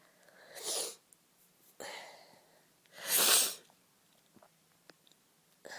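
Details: Woman with a serious cold for a few days: three sneezes in quick succession with airy build-up breaths; sneezing.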